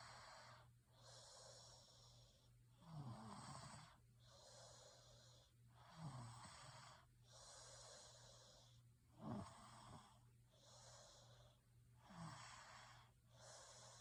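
Regular rattling snores on each breath, about 19 breaths a minute, with faint background hum: snoring during sleep.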